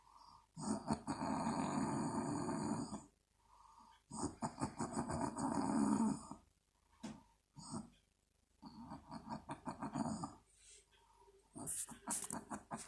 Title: Mum Snoring For Two Min (Wakes up)